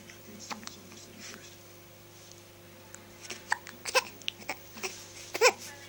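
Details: Newborn boy, 2.5 weeks old, with soft abrupt little catches of breath and small squeaks in a quiet room; ordinary infant hiccups.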